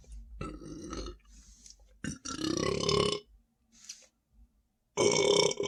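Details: Several loud, gurgling burps of varying length, standing after drinking more Sprite; adult reports feeling very full and tight; belching.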